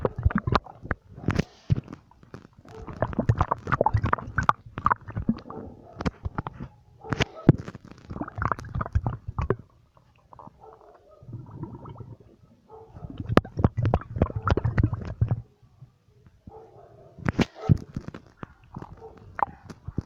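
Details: Loud, low gurgling and rumbling from the abdomen in irregular bursts: ordinary stomach growling (borborygmi).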